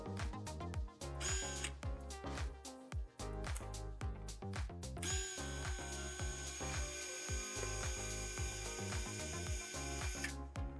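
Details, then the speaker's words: Conventional knee replacement demonstration: power drill boring a large hole into bone to insert a long metal rod into the marrow canal for guide fixation; whirring, grinding bursts then sustained high whine, background music; surgical bone drill. "기존 수술은 그 뼈의 각도를 보기 위해서 뼈에다가 큰 구멍을 뚫고 뼈의 골수광 안으로 이런 금속 긴 금속 로드를 삽입을 하고요"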